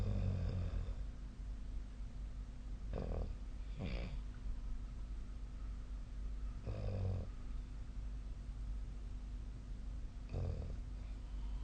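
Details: Snoring during sleep, recorded with the SnoreLab app. Low snoring breaths every few seconds over a steady background hum.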